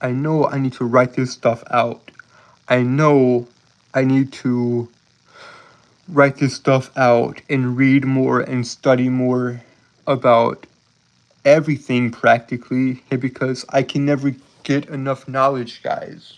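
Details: Man with a self-reported speech impediment; speech impediment (disfluency).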